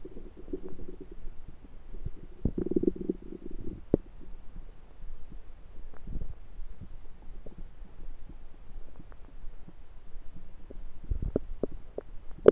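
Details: Own abdomen recorded with a USB stethoscope: low gurgling rumbles with scattered pops; ordinary bowel sounds, stomach rumbling.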